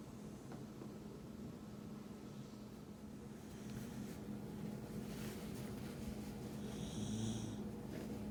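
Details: Shiba Inu sleeping on a lap and snoring: soft, steady, low rumbling snores over a constant background hum.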